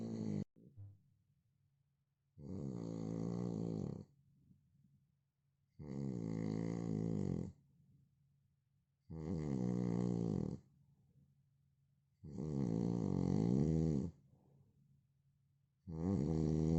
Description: Original sound of man snoring...